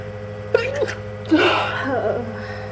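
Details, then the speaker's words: Two sharp, explosive sneezes with a wet blow between them in a quiet room; repeated all-day sneezing from allergies, with watering eyes, despite trying to hold them back. "I'm not gonna sneeze anymore. Oh God. I'm so tired of sneezing."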